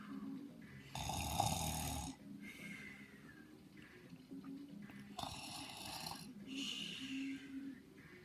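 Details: Two loud, harsh rattling snores on breathing in, with quieter breathing between and some room noise; snoring.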